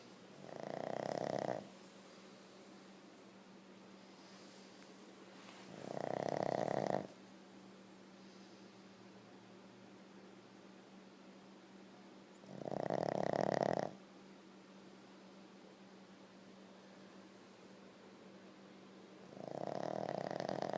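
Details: Boston Terrier dog: four loud, rough snoring bursts about every six and a half seconds, roughly nine a minute, over a steady low room hum: snoring.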